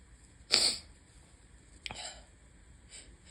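One sharp, hissy sneeze, then a short snort and a faint follow-up in a quiet room: sneezing from allergies.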